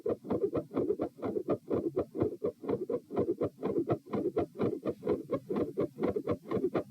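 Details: Heart sounds recorded on a phone at position p while standing (some volume lost): fast, squeaky tachycardic beats with split sounds, a midsystolic click and a faint systolic murmur near S1.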